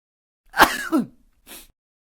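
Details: Sound-effect recording of a cough: an adult's two quick harsh coughs with voiced tails, then a softer breathy third burst; a plain dry cough.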